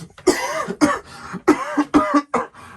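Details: Child coughing about five times in quick succession, each cough a short, harsh, voiced burst.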